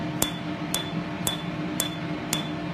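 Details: Woman's second laser tattoo removal treatment with the ATV laser on a numbed tattoo; she feels nothing: five sharp snapping clicks about every half second over faint room hum as the laser fires pulses.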